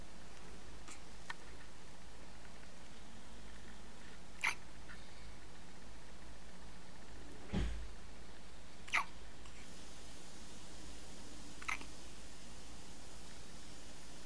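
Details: One-week-old baby boy with hiccups, awake after a feed: soft, brief catches a few seconds apart, about five in fourteen seconds, over quiet room noise.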